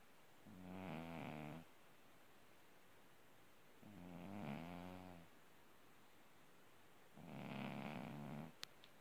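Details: Orange tabby cat asleep, soft buzzing snores about every three seconds over steady background hiss; sleep snoring.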